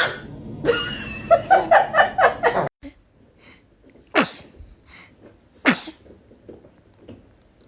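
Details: Baby makes a rapid run of short breathy, giggly sounds, then two sharp, explosive infant sneezes, with faint room noise and laughter around them; sneeze.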